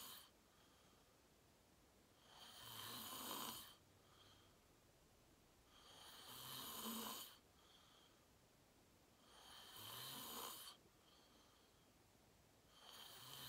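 Regular loud, harsh snores on each breath, about 17 a minute, with quiet pauses between; heavy sleep snoring.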